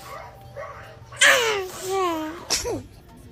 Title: Babies Sneezing 🤧 FUN-JVN